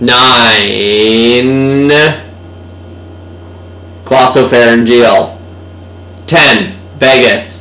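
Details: Slurred speech (dysarthria) in a man who is really intoxicated by drinking beer to demonstrate alcohol-induced cerebellar ataxia; he calls out movement commands during an improvised neurological test.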